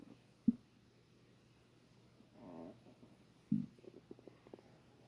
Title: Stomach rumbling